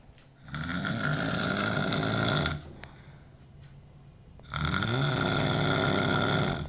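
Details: Two long, loud, rough rattling snores on breathing in, with a quiet pause between them; snoring.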